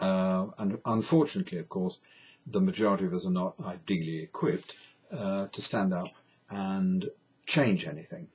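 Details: Stuttering (stammering) in an adult man who states he has a stammer, described as a neurological condition with no cure.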